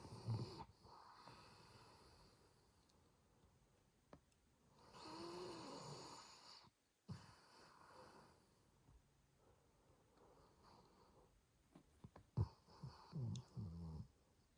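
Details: Soft, low snoring breaths with a faint whistle and a few snorts in a quiet room, from a sleeping dog; dog snoring.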